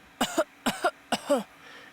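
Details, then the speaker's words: Adult songwriter's deliberate recorded coughs used as a "cough vox" vocal track in a song, meant to evoke a COVID cough though he says he doesn't have it: three short sharp bursts with quick second push; voluntary cough. "literally just me coughing and the reason i wanted to do that was like just kind of like i don't know it's like the corona cough or something you know the covered cough not that i have it"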